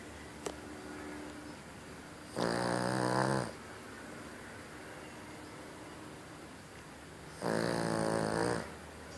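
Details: Snoring during a daytime nap: two loud, rattling inhaled snores about five seconds apart, with quiet breathing between them, over steady room hiss.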